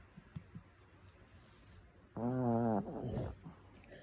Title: Snoring Dog